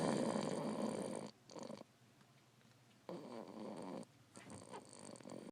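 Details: Rough, rattling breath sounds in bursts separated by quiet pauses during sleep; snoring.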